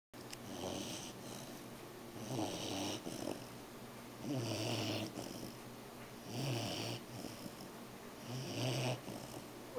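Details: Pet Lucy snoring while asleep on Stan: soft, rhythmic snoring, about 30 snores a minute, each a low rattling breath.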